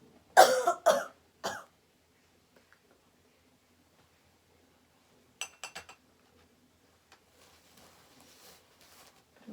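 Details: Simulated nursing demonstration of effective coughing with a 43-year-old woman complaining of cough and pain on swallowing: after repeated deep breaths out through the mouth, three deliberate coughs in quick succession, then quiet room sounds.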